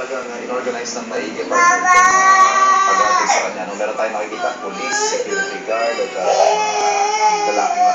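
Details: Loud, sustained infant wailing in rising and falling cries with adult talk in the background; ordinary infant crying.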